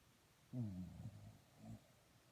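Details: A pet dog snoring.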